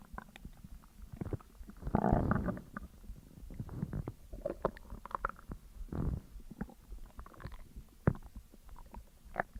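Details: Stomach noises after eating a McDonald's meal (double cheeseburger, large fries, large coke, caramel McFlurry); digestive bowel sounds (borborygmi).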